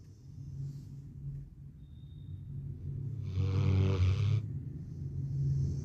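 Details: Dog snoring while asleep: low, rumbling snoring breaths with one louder, snort-like snore.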